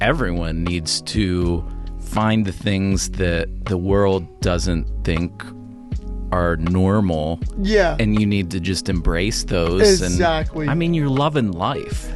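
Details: Adult men in conversation; no speech disorder.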